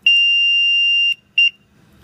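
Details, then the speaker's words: A steady high-pitched electronic tone of about a second, then a short second beep: the power-on alarm of an automatic transport ventilator being switched on during a training demonstration. "the next thing we're gonna do is turn your ventilator on"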